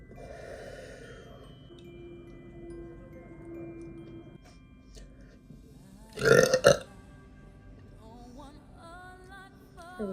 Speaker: I hate when they're silent. How do I prevent that? Just push? Like, I feel like I do push a lot.